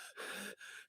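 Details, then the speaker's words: Adult speaker with a mild wheeze, possibly from a big swing in temperature: short noisy breaths in and out with a faint steady whistling tone. "Sorry, I have a little wheeze."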